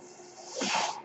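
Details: Speaker's own mechanical ventilator heard during podcast recording; mechanical ventilator breath cycle.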